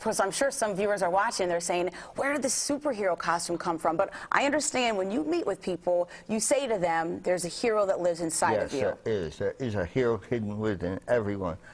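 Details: Adult woman and adult man in conversation; normal speech.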